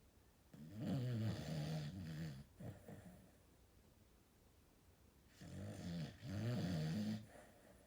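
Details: Two rattling, low-pitched snores, each with a fluttering inhaled phase, separated by quiet breathing; ordinary snoring.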